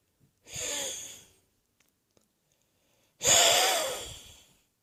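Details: Morning coughing and wheezing attributed to a viral chest infection: two harsh, breathy coughs about three seconds apart, each with a musical whistling wheeze.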